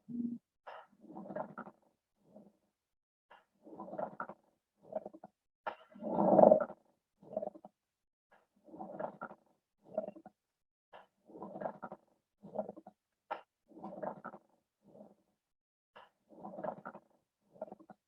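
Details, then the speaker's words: Very intense coarse, creaking, grating bursts in both respiratory phases, sometimes audible at a distance, not disappearing with cough, from inflamed pleura: pleural friction rub on lung auscultation. "cir, que este va a ser un sonido muy intenso, audible a veces a distancia, y se percibe en los dos tiempos respiratorios, y no va a desaparecer con la tos,"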